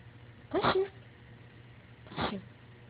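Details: Two short, sharp nasal bursts about a second and a half apart over a low room hum: a miniature pinscher dog sneezing twice.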